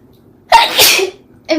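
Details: Young woman with allergies who also says she is sick with a cold or flu: a single forceful sneeze with a sharp inhaled onset and a loud airy burst, then the start of another breathy sound.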